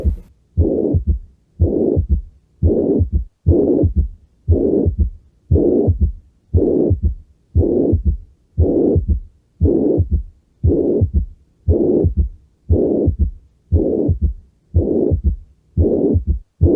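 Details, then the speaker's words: Mitral regurgitation: regular heartbeat near 58 a minute with long even blowing holosystolic bar-shaped murmur at mitral focus radiating to axilla, diminished S1, S3 common. "Y va a haber un soplo pan sistólico lo sistólico en forma de barra en el foco mitral que clásicamente se propaga hacia axila."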